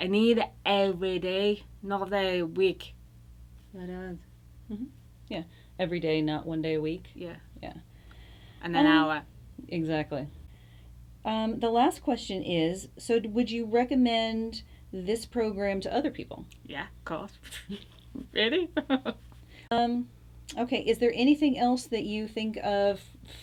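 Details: Adult women in conversation; conversational speech.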